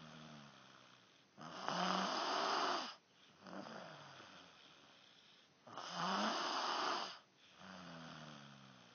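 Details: Man snoring: loud, rattling snores with a low fluttering tone, each followed by a softer breath, about 14 a minute; habitual snoring.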